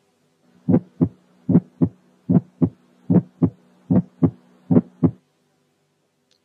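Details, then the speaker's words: Ejection click, a sharp clicky extra component right after the first heart sound at about 75 a minute; such clicks occur in aortic or pulmonary valve stenosis, pulmonary hypertension and some congenital heart disease. "الفيرست ساوند مش لب بس، لا ده درك، يعني بعديه في الكليك."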